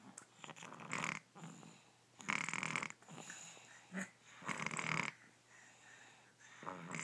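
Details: June snoring during her afternoon nap: rhythmic rasping, snorting breath noises with a slight whistle on some breaths; snoring.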